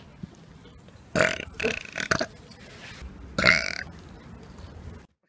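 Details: Deliberate loud burping in public as a prank: four to five throaty belches in a few seconds over faint room noise.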